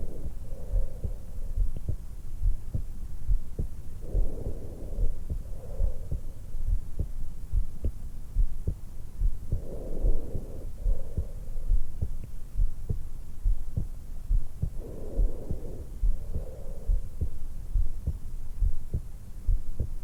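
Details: A 20-year-old woman lies on her back in bed just after waking, with a stethoscope microphone at the notch at the base of her throat: steady heartbeat near 69 a minute with slow, soft breaths, normal resting heart and breath sounds.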